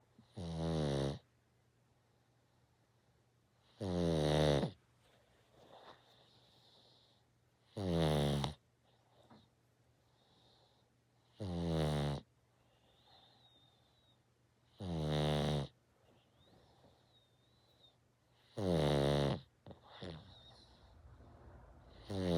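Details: Loud, regular, buzzing snores on each breath, about 17 a minute, with quiet pauses between them, from a sleeping one-eyed rescue pug; snoring.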